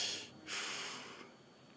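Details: Loud, harsh, hollow bronchial breath sounds with a clear gap between breaths and no crackles, heard in the final stage of fluid overload or with other lung consolidation; bronchial breath sounds.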